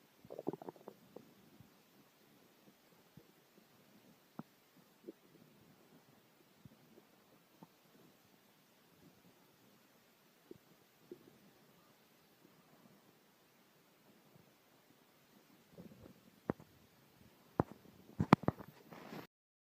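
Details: Yellow Labrador dog's stomach growling: soft gurgling and rumbling bowel sounds from the belly, with louder bursts near the end.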